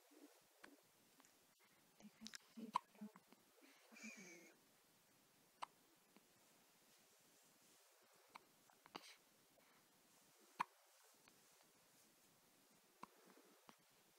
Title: 20090919 - Hiccups